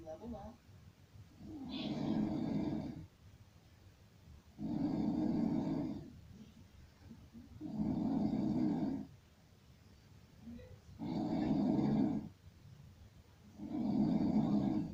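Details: Sleeper snoring: loud, rough snores on each breath in, about five over fifteen seconds, with quiet breathing between; snoring.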